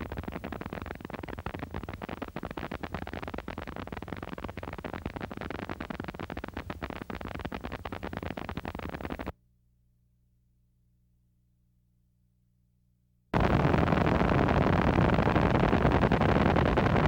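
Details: Needle EMG of small-amplitude, short-duration MUPs. They can also be seen in myasthenia gravis, Lambert-Eaton syndrome and botulism.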